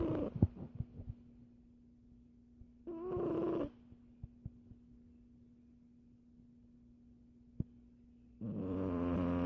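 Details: Sleeping Siamese cat, possibly dreaming, snoring: two drawn-out breaths with a faint whiny tone about five seconds apart over steady background hum; snoring.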